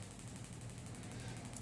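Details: Fast, steady rattling pulses at about 12 a second from a Shockmaster 300 radial shockwave device (15 mm convex head, 2 bar, 12 Hz) firing with gel over Osgood-Schlatter bony overgrowth at the patellar tendon insertion on the knee.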